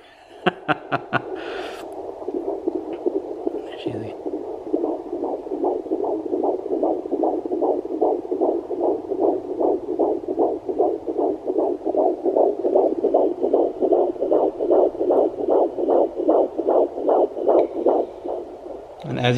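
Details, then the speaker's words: Fetal heartbeat at 17 weeks 5 days of pregnancy, found with a 3 MHz Sonoline B home Doppler that displayed 152 bpm: rapid, regular whooshing pulses after scraping probe noise while the probe chases the moving baby. "i got 152 beats per minute which is a good healthy heart rate for a baby that's still mama"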